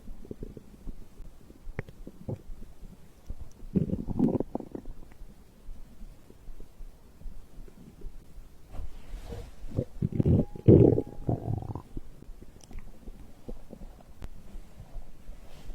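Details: Bowel sounds of digestion recorded after drinking a beverage: low gurgling and rumbling bursts over soft hiss, louder rumbles midway; ordinary stomach growling.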